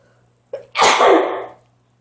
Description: My nose has been tickling so bad and my sneezes have been terribly loud... I'm trying to keep them calm but it's so hard when you're having a sneeze attack!